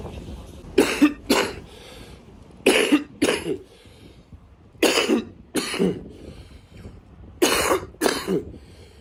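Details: Repeated harsh double coughs with throat clearing and snorting, about eight bursts in nine seconds, from a man walking home from a bar, described as snot, coughing and phlegm, outdoors.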